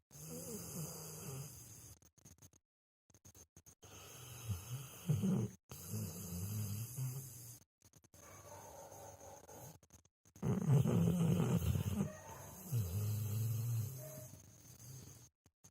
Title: Snore Dog.. Funny Dog Snoring Video